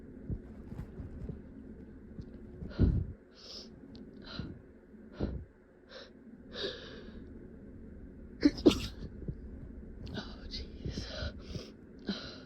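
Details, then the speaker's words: Several muffled, held-back sneezes with sharp breaths between, acted out in a hiding role-play scenario of someone trying to stay quiet despite a tickly nose; stifled sneezes. "God, I can't keep stifling them. I've gotta. I've gotta try to hold back, but it's so tickly."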